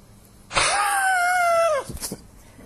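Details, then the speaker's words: Healthy, fit non-smoking adult man demonstrating a forced high-flow exhalation with a clear musical whistling tone; expiratory wheeze from dynamic airway compression, not harmful. "you hear the wheezing you hear that was Dynamic Airway compression so is that bad the answer is no"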